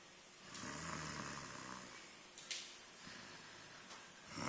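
A low rumbling snore on a slow breath in, then quieter breathing with a few sharp sniffs; ordinary snoring in a small room.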